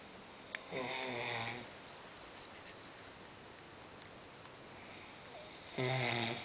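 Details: Heavy nightly snoring: two loud rattling snores about five seconds apart, with quiet room noise between them.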